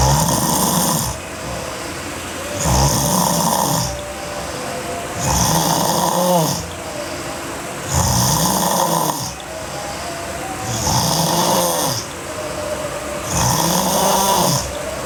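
Loud, rough snoring on each inward breath, about 22 breaths a minute, with quieter exhalations between.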